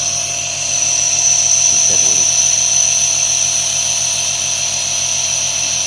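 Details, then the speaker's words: Steady loud mechanical buzz and high whine of a home nebulizer compressor switched on and running continuously, with a faint voice in the background, during a demonstration of use for a patient. "तो चलिए friends हम इसको अभी on करते हैं कि किस तरह चलते हैं"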